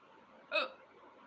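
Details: During a live-streamed hiccup challenge, a woman speaking Hindi gives a single brief, sharp voiced catch over quiet room noise: a hiccup.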